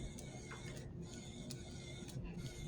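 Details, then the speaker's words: Soft mechanical clicking and whirring with a low hum as a CADD ambulatory infusion pump primes its tubing after air is removed from the bag, during a training setup. "o prevent air from, we want to take all the air out of the bag first, and we don't want any air in this little part of the bag. So kind of keep it at its side, and we'll say prime. And now it's going to do that."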